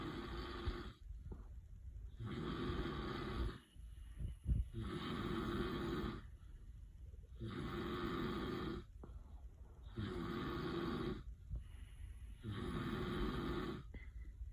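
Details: Husband snoring while a Weimaraner dog dreams: loud, rough snores about every two seconds, roughly 25–30 a minute, with quiet gaps; steady snoring during sleep.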